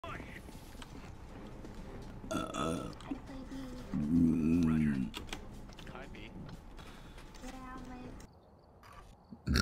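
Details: Woman streamer: a loud, drawn-out, low belch between snatches of speech, with music playing in the background: burping.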